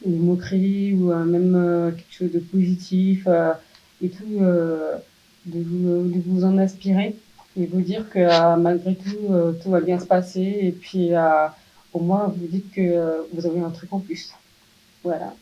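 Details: Speech of a 27-year-old woman profoundly deaf from birth, who used hearing aids and recently received a cochlear implant and is in speech therapy rehabilitation; finding: speech of a person with congenital profound deafness.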